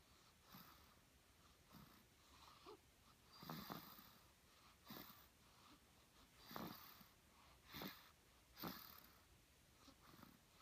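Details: Infant aged 2 weeks snoring: soft, whistly, snuffly noises with each breath, roughly eight in ten seconds; noisy nasal breathing like light snoring.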